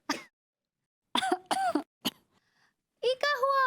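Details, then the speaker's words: Several short, dry coughs and throat-clearing sounds from a woman with throat irritation, acted in a Hindi TV comedy scene. "खास रही है अरे क्या बताऊ अंगोरी जी मैं तो तंग आ गई हूं खास खास कर कुछ खराश हो रही है"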